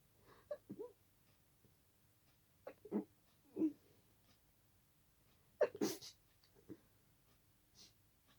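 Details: Stifled sneezes at night, held back to stay quiet because of a tickle, some escaping: several muffled sneezes in a quiet room, one louder, short suppressed bursts of air with little voice.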